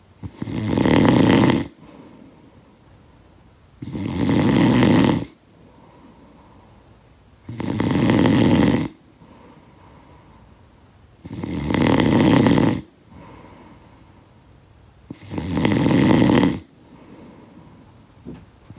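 Loud rattling snores on each in-breath, about 16 a minute, with quiet out-breaths between: snoring.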